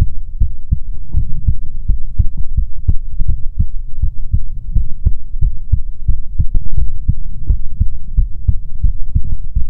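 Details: ASMR heartbeat recording: steady, deep, low thumps repeating regularly, closely recorded; a soothing normal heartbeat.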